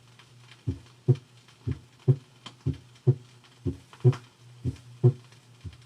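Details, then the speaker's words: Paradoxical splitting of the second heart sound, suggesting left bundle branch block, 1968 auscultation teaching record: slow regular heartbeat, second sound split in expiration and single in inspiration. "thus we have the reverse of what we have normally splitting of the second sound and expiration and a single sound in inspiration this is called paradoxical splitting"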